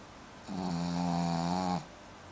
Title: Snoring Dog